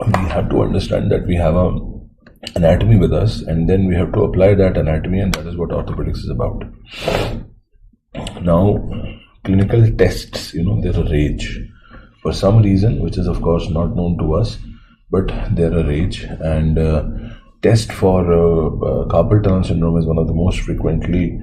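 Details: Adult male lecturer with chronic laryngitis, now in an acute episode and on voice rest; hoarse voice from laryngitis.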